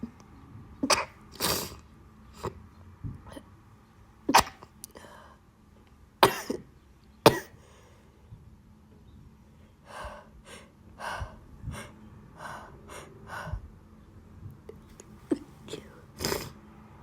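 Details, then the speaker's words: Adult stifled sneezes with an itchy nose, and the person mentioning bad pollen: a run of short, muffled, held-back sneezes with sniffs between them, some sharper bursts among softer ones. "I'm going to try stifles a bit. Oh my god, my nose is itchy. Ew."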